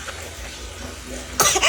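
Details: Baby gives a single short, sharp cough after a quiet stretch, with the mother: cough.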